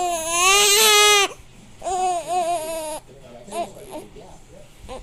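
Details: Infant crying while having hiccups: loud, high-pitched crying in two long wails, then softer whimpering.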